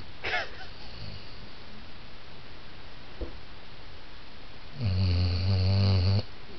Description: Basset hound snoring